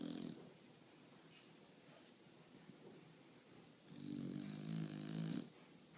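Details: Sleeping bulldog snoring: rough, fluttering snores on the breath, with quieter stretches between them.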